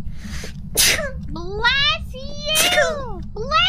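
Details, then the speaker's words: A single sharp, explosive sneeze followed by high-pitched spoken exclamations over a low steady hum; ordinary sneeze. "待って、くしゃみめっちゃ多いね。一回すると止まんないからね。"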